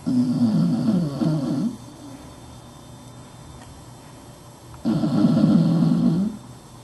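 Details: Dachshund dog snoring under a desk: two loud, fluttering, rumbling breaths about three seconds apart with a quiet pause between them; snoring.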